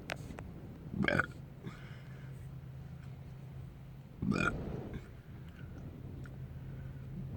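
Two loud, low, gurgling burps about three seconds apart over steady room hum; ordinary belching.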